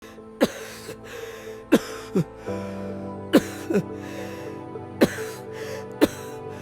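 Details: Acted persistent cough in a lung cancer awareness clip: repeated short, dry coughs from an adult, about six bursts in seven seconds, over soft background music.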